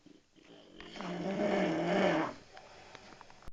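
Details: Man snoring, recorded at Rucar: a single long, rattling snore on an in-breath, then quiet breathing in a small room; snoring.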